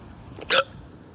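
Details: A single sharp, abrupt hiccup with a quick vocal click, against quiet background noise.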